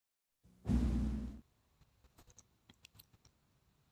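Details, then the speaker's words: Crackles demonstration, explained as moisture or fluid in the airways, secretions moving or closed airways rapidly reopening, as in pulmonary edema, early congestive heart failure or bronchitis; crackles. "crackles are because of moisture some fluid is there okay many possible causes of crackles are pulmonary edema early congested heart failure crackles are heard in pulmonary edema congested coronary bronchitis"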